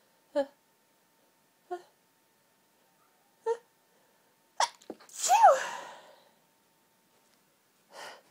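A run of about five high-pitched sneezes in eight seconds, some with a squeaky vocal edge; repeated sneezing from hay fever.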